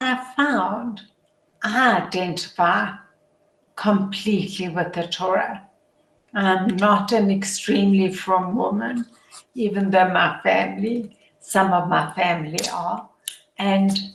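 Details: Adult woman with motor neuron disease, a progressive degenerative disease, whose functioning deteriorates daily, which she says is audible in her voice; dysarthria.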